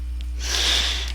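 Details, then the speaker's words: A sleeping dog snoring in the background while a person talks: a single noisy, breathy, snort-like inhalation over a steady low hum. "if y'all can hear that that's my dog snoring sorry"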